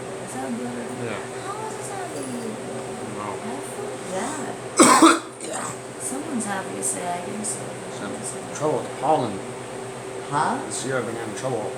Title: Me coughing